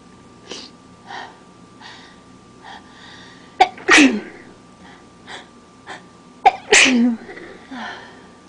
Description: omg my nose wont stop tickling and running my allergies are so bad right now but it feels good after some good sneezes!